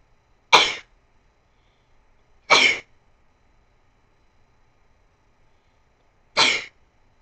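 Three sharp, explosive sneezes separated by quiet pauses; ordinary sneezing.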